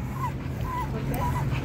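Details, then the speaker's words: Strong dog on a 100% raw-meat diet with poor endurance, exercising in a conditioning program, makes thin, high whistling sounds with its breaths during exertion; wheezing. "can hear how he is he's wheezing and um i guess that's he this is one of his deficiencies"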